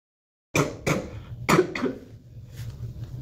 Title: girl coughing 4